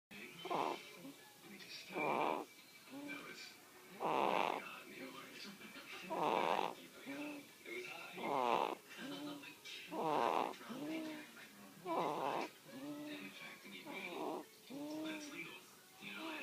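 Regular whistling, rattly snores about 30 a minute from a sleeping cat; ordinary snoring.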